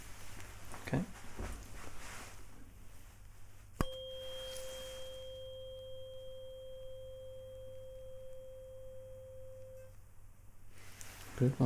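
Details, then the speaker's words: Role-played ASMR cranial nerve exam, hearing test before a Weber test: a tap, then a struck tuning fork's pure steady ringing tone lasting about six seconds before fading. "okay and I need to tell me when you can hear the sound and when it stops okay so say now when you can hear it and then stop when it stops okay"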